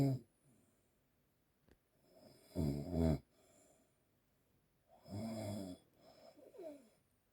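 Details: Grandma snoring in sleep: two loud, rough, rattling snores about two seconds apart, with quieter breathing between them.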